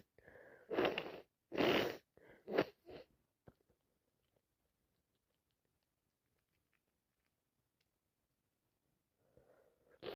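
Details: Person sick with a head cold: a run of four or five wet sneezes with sharp inhalations between them, then quiet.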